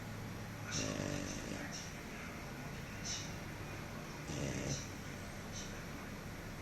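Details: Snoring after eating, likened to a pig: low grunting snores with a few sharp hissy breath sounds over a steady background hum.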